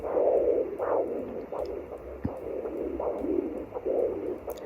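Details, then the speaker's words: Home handheld Doppler at 9 weeks pregnant with third baby: slow whooshing maternal pulse over hiss, near the faster fetal heartbeat, confusing the search. "this baby i think the placenta has my pulse and the um cord the umbilical cord will also read my pulse so that's why it's so confusing right around baby right now"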